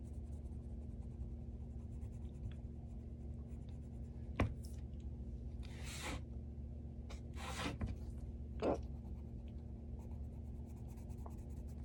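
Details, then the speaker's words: Adult with a strong bout of hiccups while wrapping up a workday, feeling thirsty: four abrupt, gulping catches of breath over a steady low hum. "I'm in the middle of something so I'm like you know what take a few minutes let's do a hiccups video I haven't had these in a while like actually the strong of hiccups so there you go hiccups fans"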